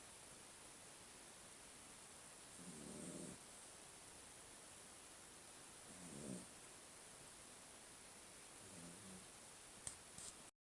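Three soft, low snoring sounds about three seconds apart over steady background hiss, with a couple of clicks at the end: a puppy snoring.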